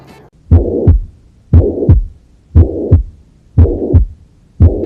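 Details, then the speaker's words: Heart auscultation: regular rhythm about 59 per minute with loud whooshing murmur filling systole; mitral regurgitation systolic murmur. "En la clínica diaria de perros pequeños, el rey indiscutible es el soplo sistólico de regurgitación mitral."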